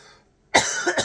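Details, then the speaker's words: Adult gives a short, loose cough with a second burst after brief silence; speaker reports a chest rattle for an entire year, "like something rolling around," absent only while on antibiotics: wet cough with chest rattle. "You can hear the rattling. That rattling has been an entire year."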